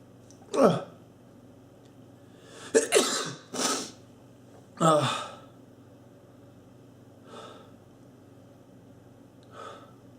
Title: Man in suit makes himself sneeze